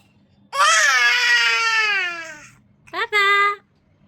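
A young child gives a long wailing cry that slowly falls in pitch, then a shorter second cry.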